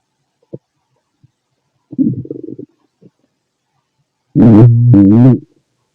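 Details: Soft gurgles and a drawn-out, growling rumble from an adult male's stomach while digesting food: ordinary bowel sounds (borborygmi).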